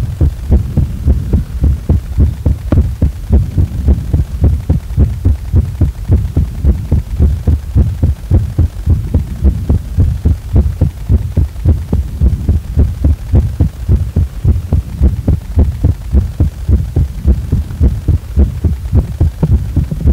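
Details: Fast, steady heartbeat of regular low thumps, about 105 beats a minute, over a constant low hum, described as a heart pushed to its limit all day: heartbeat.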